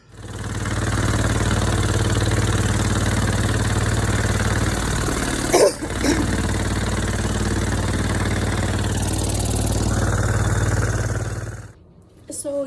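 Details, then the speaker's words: Cystic fibrosis patient in hospital at 8:10 am doing airway clearance with a jacket-like high-frequency chest wall oscillation vest: a loud, steady low drone with fast pulsing flutter, then abrupt shutoff. "basically what my vest does is you saw it wraps around me the one at my house is actually purple and it goes all the way like a jacket"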